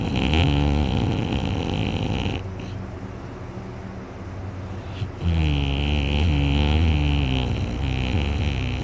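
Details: A very tired person asleep after a day of hunting snores heavily, with a sore throat afterwards: loud, rough, rattling breathing noise in long stretches with a quieter gap.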